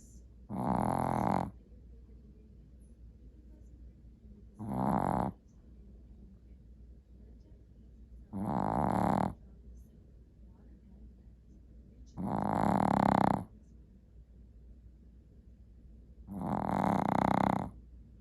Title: Snoring Teddy